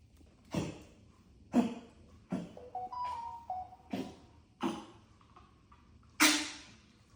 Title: Jimi Kimchi Burrito coughing